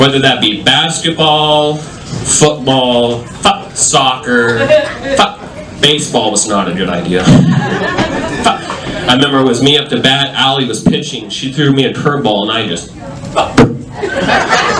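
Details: Adult male stand-up comedian with self-reported Tourette syndrome, including involuntary yelling of bad words and tic noises; live comedy set; vocal tics (Tourette syndrome).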